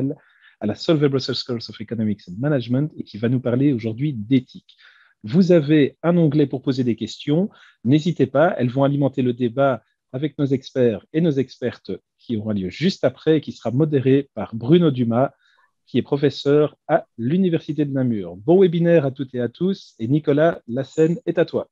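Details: Adult male speaker; normal voice.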